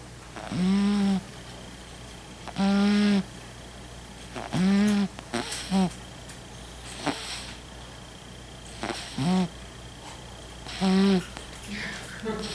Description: This video is about sparkle the cat who snores while she sleeps.